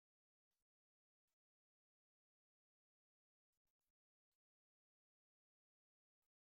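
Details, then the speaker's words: About seven short dry coughs and throat clears in scattered bursts, three close together midway, from a streamer during a live stream, against a silent background; cough. "Let's see if I just spend the whole 3 minutes coughing. No, we're good. Well, that's better."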